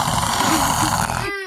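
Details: Imitated snoring: an adult deliberately makes loud, rough, rattling snores to mimic how their grandfather (papaw) snores, egged on to go louder, ending in a brief tone.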